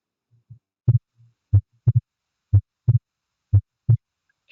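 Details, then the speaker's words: Heart sounds about 60/min in a physiology class recording; after a clear splitting of the second sound that then normalizes, the last beat has a single second heart sound, possibly during a Valsalva manoeuvre. "ese último latido se escucha perfectamente que tenemos una red de dos único"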